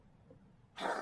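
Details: Pet cat with a recurring cough, being treated: coughing episode; cough.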